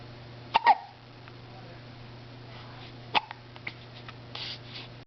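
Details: Two sharp, sudden hiccups a few seconds apart in the morning over a quiet background, with faint smaller sounds between; ordinary hiccups.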